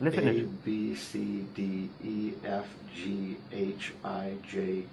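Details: Dystonia affecting speech in a patient reciting the alphabet, who uses a sensory trick (a straw) to help the dystonia.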